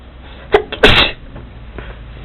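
A quick inward catch of breath, then one sharp, explosive burst of air: a single sneeze.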